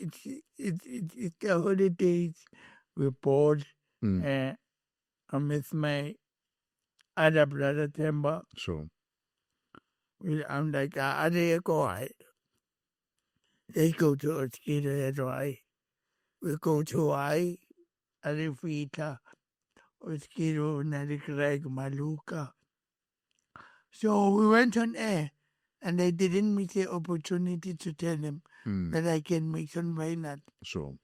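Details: Adult man born with cerebral palsy, whose head injury from a car accident in June 2000 affected his speech, walking and left-ear hearing: speech impairment (dysarthria).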